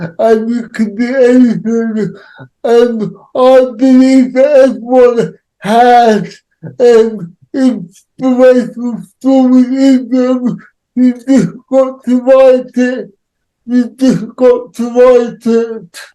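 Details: Adult male with cerebral palsy, real, whose speech is largely unintelligible to automatic transcription; he reports he cannot say some words. Dysarthria (cerebral palsy).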